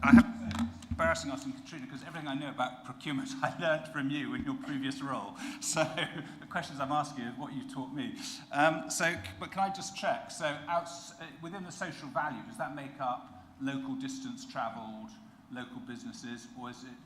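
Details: Adult speaker; normal voice.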